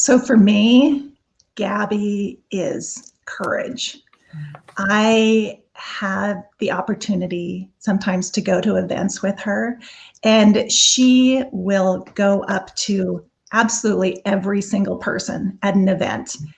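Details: Adult woman; normal speech.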